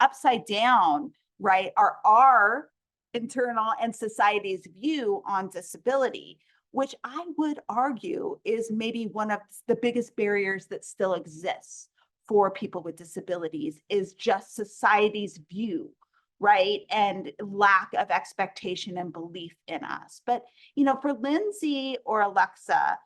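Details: Adult woman speaking; normal speech.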